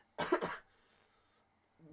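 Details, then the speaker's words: Adult who has been feeling unwell with a croaky voice gives two quick, harsh cough bursts back to back in a quiet indoor room: cough. "my voice is a bit croaky um I got a bit of a cough"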